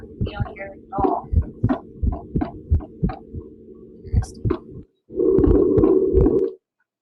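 Rapid heart thumps at uneven, unpredictable intervals over a steady hum, an irregularly irregular rhythm of atrial fibrillation.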